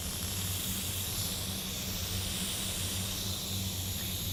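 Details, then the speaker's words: Trach suction setup: steady airy hiss over a low pulsing motor hum as suction runs through a newly connected catheter, tested by suctioning saline, working normally before tracheostomy suctioning. "I can touch this with my non sterile hand to test it in this in this saline it is working suctioning the Saline so now I know that is ready to suction the trait"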